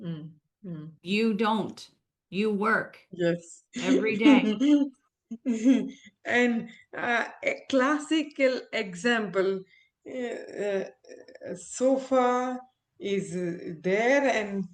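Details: Adult woman, a former ophthalmologist, with aphasia after a stroke, about a year into recovery and still recovering her speech with a speech-language pathologist. Aphasia.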